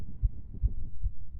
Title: Female's Quick Heartbeats Picked Up By Mic